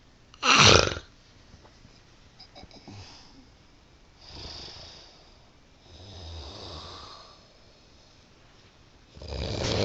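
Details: Snoring: soft, rough breathing noises recurring between louder bursts, with room noise in the background.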